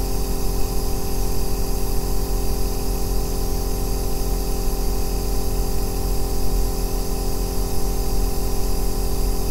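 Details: Aerosol nebulizer running continuously, recorded as an ASMR white-noise track for sleep and relaxation: a steady deep humming drone, unchanging, with a faint hiss above it.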